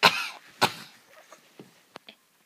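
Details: Mother sneezing as her diapered baby laughs: two sharp explosive sneezes in quick succession, then small faint sounds.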